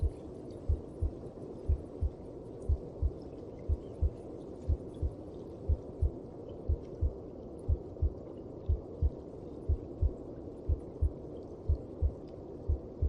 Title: ♥ Звуки сердечка в мамином животике/Heart Sound in Mother Stomach